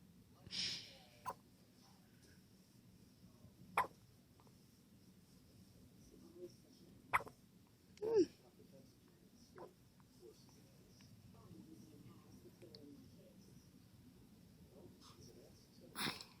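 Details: One-day-old newborn baby with hiccups. Faint, sharp little catches in a quiet room, about six in fifteen seconds, irregularly spaced.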